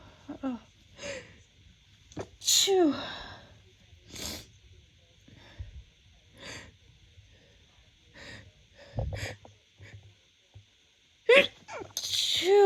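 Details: Run of repeated sneezes from an adult woman in spring 2024, attributed to pollen, with short breaths and quiet pauses between them.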